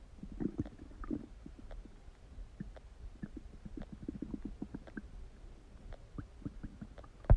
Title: Huge Stomach Noises | My Stomach Makes Noises